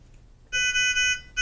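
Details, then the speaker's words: Steady high-pitched tone with a short repeat: Nonin PalmSAT 2500A handheld pulse oximeter audible alarm when oxygen saturation or pulse rate exceeds preset ranges; 3-beep signal repeats every 10 seconds. "if either of these occurs the oximeter will sound and a 3 beep - beep audible signal will repeat every 10 seconds"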